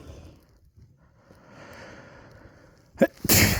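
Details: Quiet breathing, sharp intake, then one loud explosive sneeze recorded very close to the microphone, one of many in a fit, from bad early-season allergies while watching TV; hay fever sneeze.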